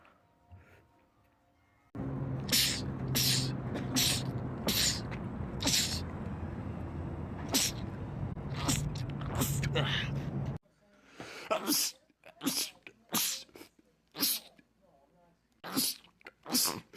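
A rapid run of short, sharp sneezes, well over a dozen in a row, first over a loud hum, then in a quiet room.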